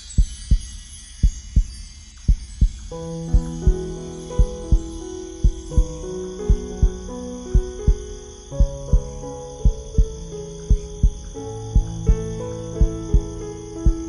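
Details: Heartbeat sound used in piano sleep music: steady low heartbeat thumps at about 57 beats a minute, soon joined by soft piano music.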